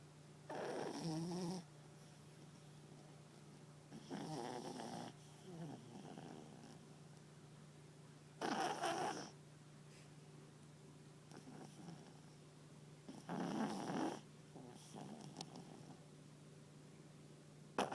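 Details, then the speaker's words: Chubby papillon dog asleep on owner's lap snoring: rattling, snorting breaths about every four seconds, roughly 14 a minute, over a steady low hum. "Are you snoring? Are you snoring, honey? Go back to sleep."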